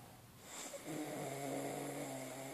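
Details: Snoring: a single drawn-out, buzzing, rattling breath in a quiet room.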